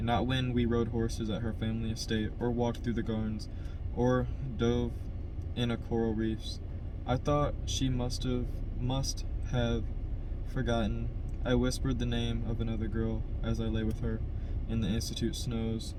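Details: Adult man who stutters, reading a novel chapter aloud, with audible word repetitions; stuttering.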